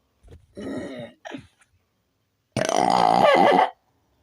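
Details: Person burping on command: a couple of short throaty sounds, then one long, loud, voiced belch lasting about a second; a deliberate burp.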